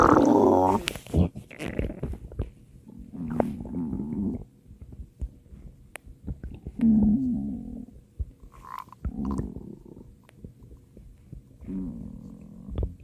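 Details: Repeated low gurgling rumbles and squeaky growls with quiet gaps between; stomach growling (borborygmi).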